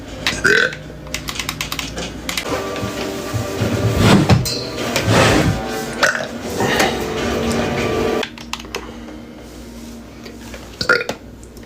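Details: Loud, drawn-out belches over background music and keyboard clicking, from a burp compilation. Ordinary burping.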